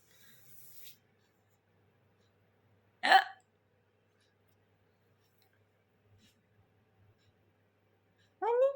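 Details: A single sharp, abrupt hiccup in a quiet room, ending with a brief voiced sound, recorded for a hiccup challenge video; hiccups.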